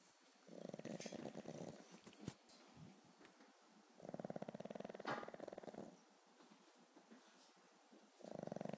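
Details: Pug snoring while sleeping on her back.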